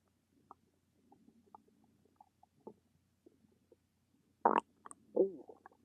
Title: Stomach rumbles